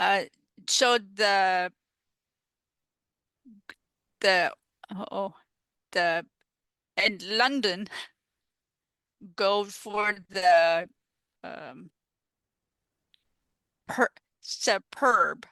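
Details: Adult female stroke survivor with non-fluent aphasia caused by stroke, in recovery, who uses an app to support communication; non-fluent aphasia.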